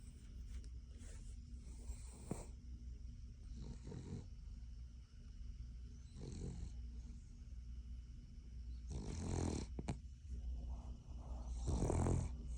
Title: Snoring King Charles Cavalier doesn’t like be woken up #dogvideos #doglovers #sleepingdogs